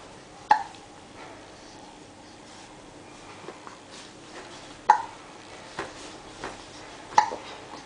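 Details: A 7-week-old infant with hiccups: short sharp catches about every two to three seconds, three clear ones, with faint room noise; hiccups.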